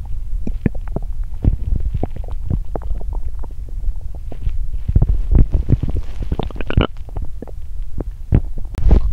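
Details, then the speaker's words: Loud borborygmi after exercising on an empty stomach: continuous low rumbling with many gurgles and pops throughout; hungry, active stomach. ""Ồn ào quá!". "Chuyện gì đã xảy ra thế ...". Tôi đói vì tôi tập thể dục khi bụng đói 😫"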